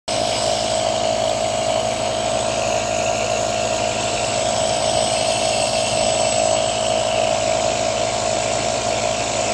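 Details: Steady, loud mechanical hum with a buzzing whine from a nebulizer compressor running during a nebulizer treatment on a French Bulldog puppy.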